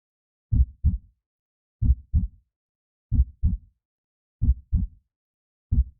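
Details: Heartbeat sound for baby sleep: steady paired low lub-dub thumps, about 46 beats a minute with clear gaps; slow, regular normal heartbeat.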